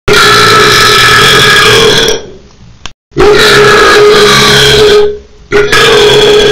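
Two very loud, long, rumbling burps, each lasting about two seconds.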